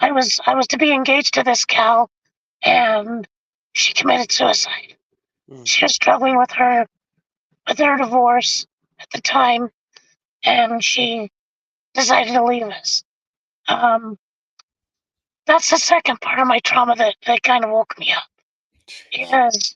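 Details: Adult man with vocal cord paralysis from a severe injury (lungs three-quarters full of blood); tracheostomy removed after 2 months; scope later still showed paralysed cords; over 25 years since onset.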